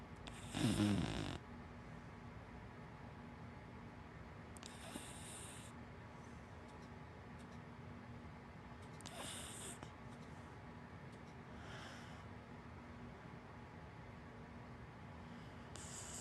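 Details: Snoring from a sleeping big black dachshund–black Labrador mix: a loud snort at the start, then soft snoring breaths every four seconds or so over steady room noise; ordinary dog snoring.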